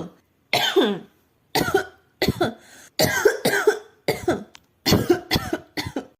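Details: Adult woman coughing: about ten sharp, harsh coughs in quick bursts with short pauses between; repeated coughing.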